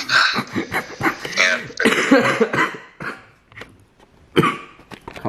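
An adult man gives a run of harsh, repeated coughs, with a little throat noise between bursts.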